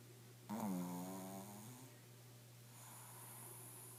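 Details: Sleeping dog snoring: one buzzing, whistly snore of about a second fading into soft breathing, over a steady low room hum.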